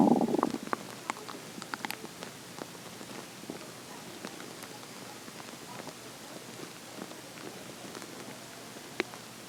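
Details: Morning hunger stomach growling (borborygmi): a brief rumble at the start, then faint scattered clicks and pops over hiss.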